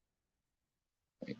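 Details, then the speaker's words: Adult man's hiccup: about a second of near silence, then one short, abrupt vocal burst. "oh God I got the hiccups see what happens when I haven't had a loco for a month I got the hiccups oh this sucks I hate the hiccups"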